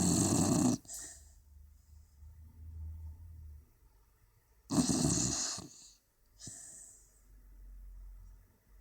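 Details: Beagle Leo snoring asleep with his tongue sticking out: two loud, rough snorting snore bursts several seconds apart, with soft low breathing between them.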